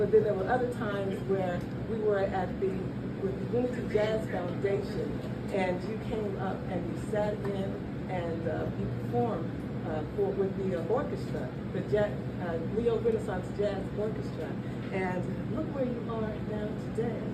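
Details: Adult woman speaking; normal speech.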